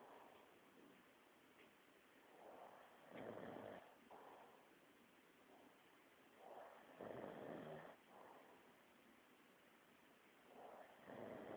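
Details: Employee asleep, snoring: quiet, rough snoring in repeated breath-by-breath bursts roughly every three to four seconds against low room noise; snoring.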